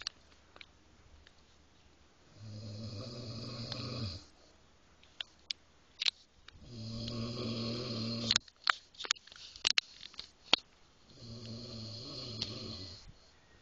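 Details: Father snoring: deep, buzzing snores lasting about two seconds each, three over fourteen seconds, with quiet gaps and faint clicks between.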